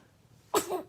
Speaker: Oh, don't sneeze in it. Thank you. Bless you.